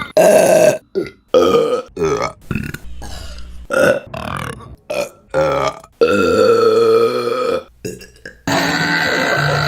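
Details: Repeated burping: a run of loud, long, deep-voiced belches, some drawn out for several seconds.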